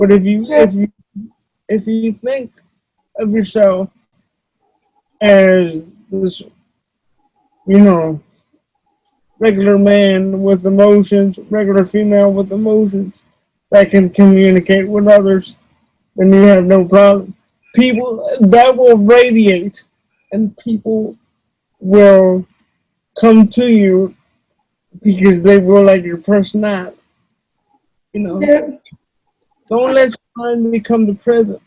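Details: Adult male with cerebral palsy, who reports that voice-recognition software fails to understand him about half the time; dysarthria due to cerebral palsy.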